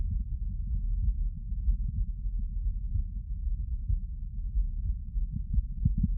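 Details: Heart auscultated with a CS-417 stethoscope/phonendoscope and an electronic stethoscope; normal heart sounds.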